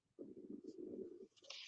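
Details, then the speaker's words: Stomach gives a low, bubbly gurgle lasting about a second; attributed to hunger: stomach rumble (borborygmi). "man that was my stomach did you hear that jeez somebody needs a food run"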